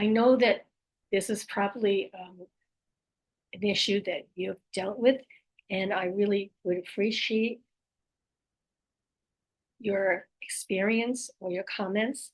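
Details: Aphasia, apraxia of speech and dysarthria after stroke in an adult female; her speech can be hard to understand.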